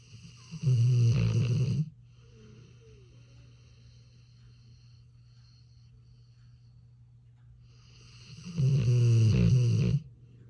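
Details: Very tired American Bully dog snoring: loud, deep rattling snores on each breath with long quiet pauses between.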